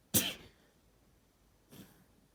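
One sharp, hissing burst is followed by a softer blowing sound. This is a sneeze, then a nose blow.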